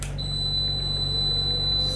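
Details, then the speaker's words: Steady high-pitched alarm tone over low machine hum from a 10-litre oxygen concentrator after its power is switched off; a power-failure alarm warning that oxygen is not being delivered properly. "यहाँ से मैं power को of करूँगा, एक beep आई, ये alarm है। कुछ second के बाद और बीप आएगी और ये कुछ देर तक आती रहेगी कि ये हमें अटेंडेंट को बताती रहेगी कि अभी मशीन प्रॉपर ऑक्सीजन नहीं दे रही है।"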